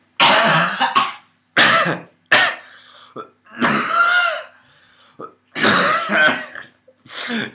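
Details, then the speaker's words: Person with a lingering cough, recorded at 2 a.m.: several harsh cough bursts mixed with throat clearing, about six in all, with short pauses between. "I have a bit of a cough still suck Micah"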